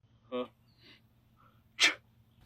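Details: Acted sneeze in a comedy sketch: a voiced in-breath, then one sharp, hissing sneeze burst.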